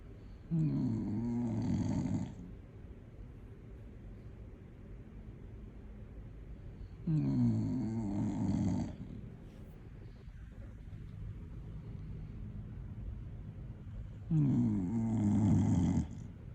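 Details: Small pet dog's very loud, raucous snoring, which the owner says is not even her loudest: three loud, deep, rumbling inspiratory snores about seven seconds apart, with quieter breathing between.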